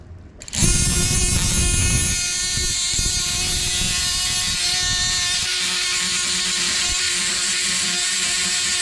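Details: Oscillating bone saw cutting bone during graft harvest (STG, BPTB and QTB grafts demonstrated), a Langenbeck retractor holding tissue, before the graft is tapped loose: loud steady high whine starting up and cutting.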